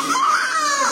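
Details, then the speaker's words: Newborn baby boy's short, high, strong wail just after delivery, heard at 8:33 after the mother entered theatre at 8:15; a vigorous newborn cry. "And correct గా 8:33 కి మా మాకు baby ఏడుపు వినిపించింది and మేమైతే అసలు shock ఏంటో అప్పుడే అయిపోయింది ఫస్ట్ ఆ బేబీ ఏడుపు వినిపించేసరికి"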